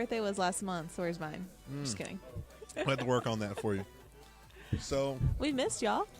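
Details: Adult speakers in casual conversation; ordinary conversational speech.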